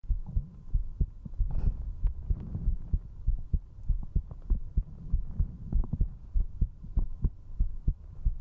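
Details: Fast heartbeat recorded during drinking alcohol with a 3Dio binaural microphone at zero distance: strong, steady beats at about 97 per minute.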